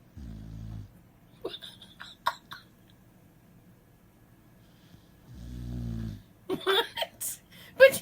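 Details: A female dog snoring with her eyes open: two low, rattling snores about five seconds apart, with faint rustling between them.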